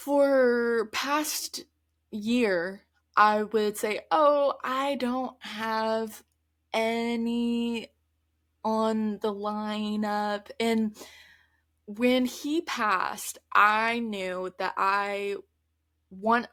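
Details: Adult woman who stutters, speaking conversationally; stuttering.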